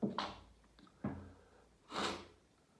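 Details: Repeated sneezing fit after showering, second half recorded: three forceful sneeze-like bursts with breathy intakes between, in a quiet room; a daily sneezing fit.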